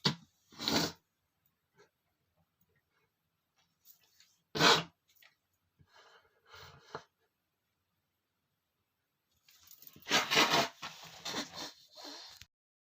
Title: male sneezing #38,5 (My Uncle and aunt's room is dusty! )